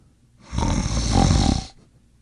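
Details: Person sleeping, one loud, low, rattling snore lasting just over a second; ordinary snoring.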